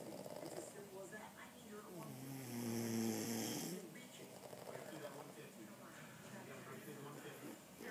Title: Sweet Snore Duet